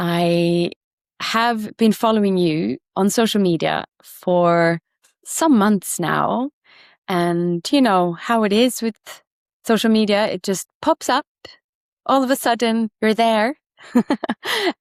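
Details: Adult woman speaking; typical speech.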